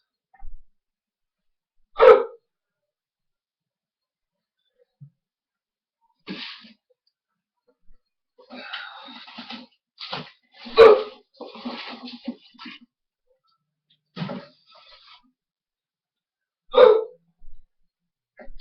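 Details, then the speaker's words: Adult male's persistent loud hiccups, lasting several minutes and continuing after a mouthful of peanut butter: abrupt vocal hiccups at irregular intervals, about three in eighteen seconds, with murmuring between. "man I think my hicups got so strong that not even peanut butter can diffuse this strong"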